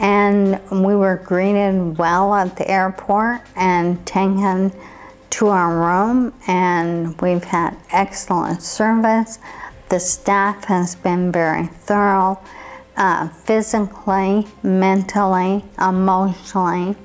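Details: Adult ALS patient from Idaho, USA, after stem cell therapy including a bone marrow procedure, who reports improved facial muscle control, speech, swallowing and breathing after treatment: dysarthria (ALS).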